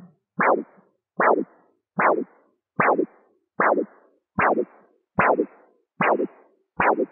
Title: Blood Pressure Determination using a CAT Doppler - Listening for Systolic and Diastolic sounds